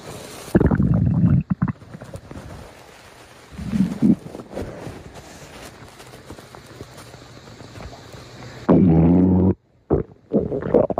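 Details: Close-up recording of stomach growling (borborygmi): loud, low rumbling bursts and gurgles between quieter stretches.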